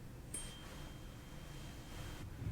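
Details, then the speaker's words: Rinne hearing test during a real-person ear exam roleplay on an adult man, testing the second ear after the right was found normal: a faint pure ringing from a struck tuning fork fading over about two seconds. "l me when you stop hearing it and when I bring it close to your ear you tell me again if you hear it and when you stop hearing it ok?"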